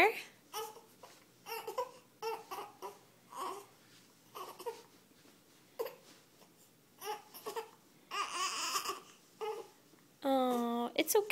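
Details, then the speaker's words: Baby girl upset with hiccups: repeated short fussing whimpers building to a sustained infant wail, with an adult's soothing voice nearby; infant crying. "it's okay you're okay hi baby hi girl baby I'm sorry you have those hiccups"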